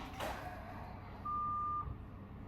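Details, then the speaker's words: A single steady electronic beep over quiet room noise: a heart rate monitor's "extreme tachy" alarm at about 140 in a hospitalized woman with a chronic illness relapse who is exercising; tachycardia alarm. "Extreme techy alarm. That's me. When does it alert you when it's at 140 or Yeah."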